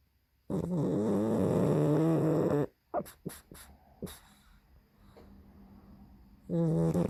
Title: snoring pug barks while sleeping